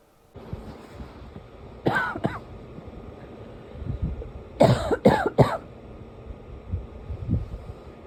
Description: Reminder that I’m not sick! In the fall, my allergies make me pretty tight chested so I end up coughing like this for a day or two when it first gets cold and then it’s gone.